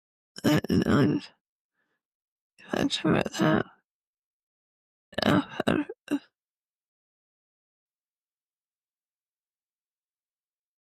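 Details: Adult woman with multiple system atrophy, cerebellar type (MSA-C): severe slurred dysarthria (ataxic, multiple system atrophy).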